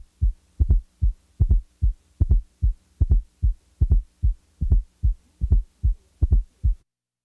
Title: 12. Fourth Heart Sound, S4 - Heart Sounds Collection